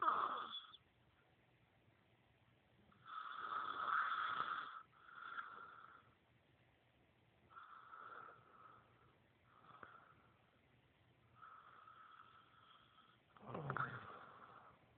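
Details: Heavy snoring during sleep: loud, rattling breath noises repeating about 16 times a minute, with quiet gaps between them.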